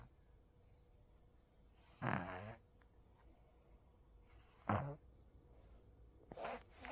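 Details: Five-month-old (day 132) baby boy with a cold and blocked nose, snoring in sleep: short snorting, snuffly breaths at irregular intervals in a quiet room; congested snoring.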